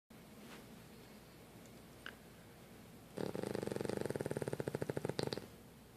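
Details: Pet sleeping, one rattling, fluttering breath of about two seconds in a quiet room: snoring.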